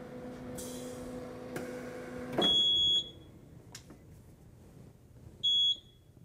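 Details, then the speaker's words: Supera M6000 anesthesia machine's integrated oxygen concentrator demonstrating its power-loss alarm: two loud high-pitched electronic beeps a few seconds apart over a low hum. "these alarms will let you know if the concentration is not adequate or if the unit is to lose power i will now demonstrate what that alarm sounds like if you are to lose power"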